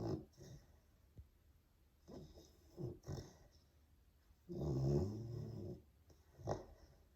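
Quiet snuffling breaths from a sleeping dog, then one longer, low, rumbling snore, against a quiet room.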